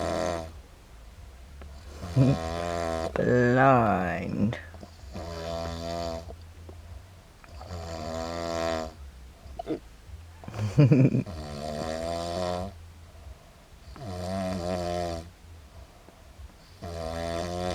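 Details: Drunk adult man asleep after a day and night of drinking: repeated loud snores with sharp hiccup catches breaking into some breaths, over background music. Snoring with hiccups.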